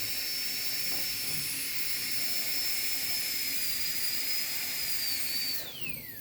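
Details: High-speed dental handpiece during anterior PFM crown preparation, rounding line angles and tapering the walls: steady high-pitched whine with water-spray hiss, pitch dropping as it winds down.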